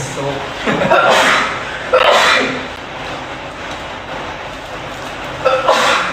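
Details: Livestreamer sneezing repeatedly, possibly from allergy: three loud, explosive sneezes a couple of seconds apart.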